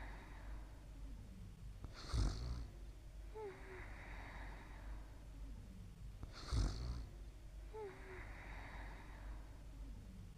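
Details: Soft, low, rhythmic snoring at about 14 breaths a minute in a quiet room during sleep: gentle snoring.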